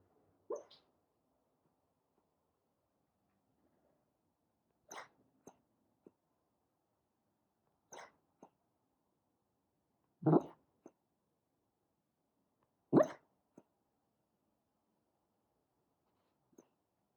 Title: 27/9/23 Sleep talking, Senior dog 13 with heart murmur